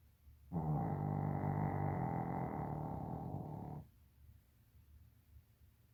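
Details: Extremely loud dog snoring: a single low, rattling, fluttering, growl-like breath lasting about three seconds in a quiet room.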